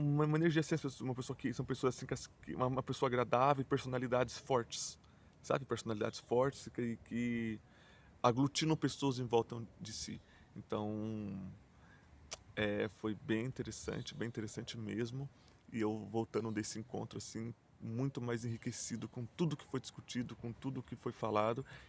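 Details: Adult male Portuguese speaker who stutters and says his stuttering is marked by repetitions, blocks and silences; stuttering.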